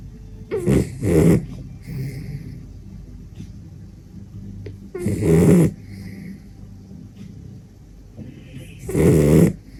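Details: Sleeping small dachshund snoring loudly: rough snores every few seconds with quiet breathing between.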